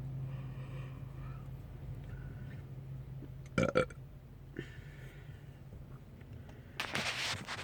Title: More burps